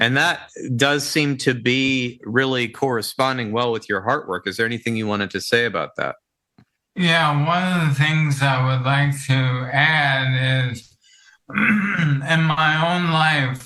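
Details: Dysarthria from ALS in an adult male counselor; the ALS affects his vocal cords and makes talking for long periods difficult.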